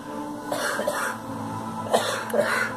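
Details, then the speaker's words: A few short, dry coughs and throat-clearing bursts while smoking dry stem rolling tobacco with sage up the nose; irritant cough from smoke. "No, it's the stem rolling tobacco. Some of it's too dry. Damn it. Well, but the sage is right up my nose, that's why."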